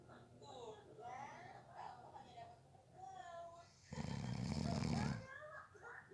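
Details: Snoring during a nap, person fell asleep within 30 seconds: low rumbling in-breath snore with softer breathing sounds between.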